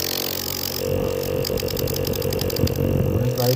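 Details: Omron NE-C106 compressor nebulizer running, with a loud, steady buzzing motor hum and rapid rattling pulses; the machine makes some noise during use.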